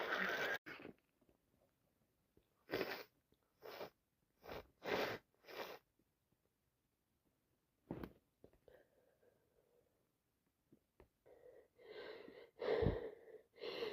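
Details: Repeated sneezing fit at night: a run of short, sharp bursts, then sniffing and breathy nasal sounds, ending in a final loud sneeze.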